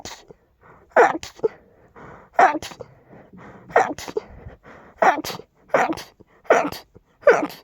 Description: Had a very rapid fit with quite big and loud sneezes! I just couldn't contain them... Dust and pollen are a vicious combination 🤧🤧🤧